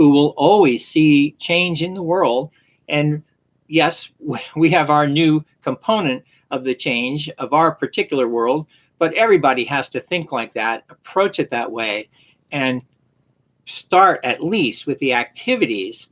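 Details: Adult male speaker; aphasia.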